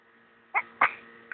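Two short, sharp coughs from a child, with the start of a third, against a quiet background.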